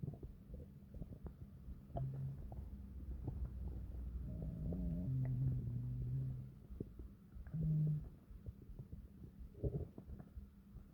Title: Long and deep stomach growls to relax